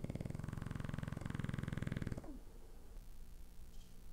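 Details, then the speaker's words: Loud, deep, fluttering snore with a fast rattle for about two seconds, then quieter breathing, from a sleeping dog recorded beside him; owner says he sometimes gives sudden snores twice as loud. "so I'm just attached this long like here and I'm gonna throw it next to him he's right there and we're going to listen to this terribly loud annoying snores"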